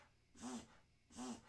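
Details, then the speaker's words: A pet dog, heard during a live stream, gives two harsh, honking coughs a little under a second apart, which its owner calls an unpleasant sound. "That's my dog making that sound. I apologize if you hear it. It's not a pleasant sound. He's coughing over"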